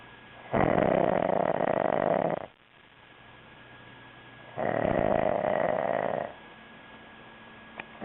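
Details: Loud snoring from a man sleeping on a couch after a two-day bender: two long, loud, buzzing snores about four seconds apart, roughly 15 breaths a minute, with quieter breathing between.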